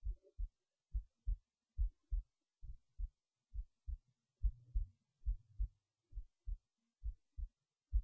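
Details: Heartbeat recorded late at night while resting in bed before sleep, soft regular paired low thumps at about 69 beats a minute; normal heartbeat.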